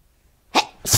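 A quick, sharp burst of air in two parts, a short intake and then an explosive release, typical of a single sneeze.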